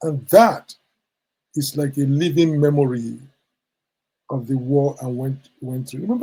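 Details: Adult man with stammering he attributes to childhood trauma of the Biafran war; stuttering.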